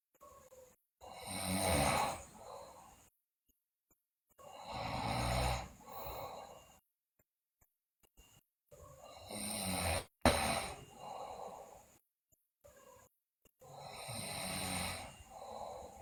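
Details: Sleeping girl snoring loudly, also noted with bruxism and delirious talk: loud, rough snores in regular cycles, about four breaths in 16 seconds, each a harsh inward rattle then a softer breath out.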